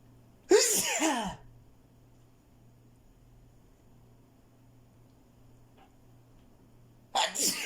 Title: I really need to sneeze a lot